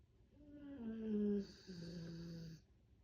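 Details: A sleeping black Labrador dog snoring, with a soft, groaning, snore-like breath and a whistling whine.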